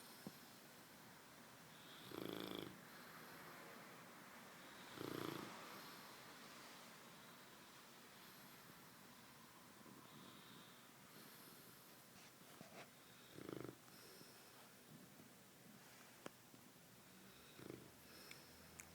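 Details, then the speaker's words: Puppy in a deep sleep: a few irregular, soft snoring breaths spaced several seconds apart in a quiet room; intermittent light snoring. "you're snoring. Can you stop? It's keeping me up."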